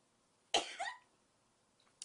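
One short, sharp cough with a brief throaty tail, then quiet.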